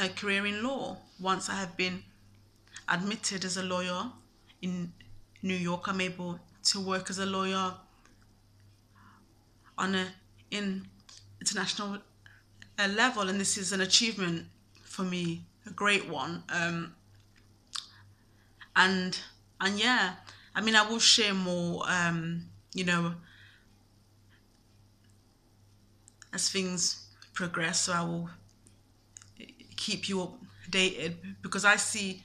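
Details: Stuttering (stammer) in a man, present since at least his university years.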